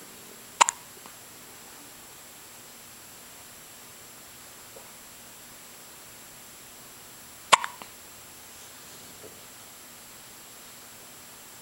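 Two brief, sharp hiccup sounds about seven seconds apart in a quiet room.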